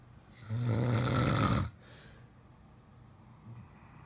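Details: A man and his German Shepherd snore together; one loud, rough, rattling inward snore lasting about a second, then quiet breathing and a faint second snore.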